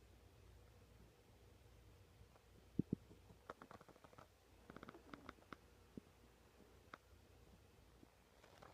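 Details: Stomach noises: quiet gurgles and short bubbling clicks over low room hum, ordinary borborygmi from gas and fluid moving through the gut; occasional mouse clicks and typing.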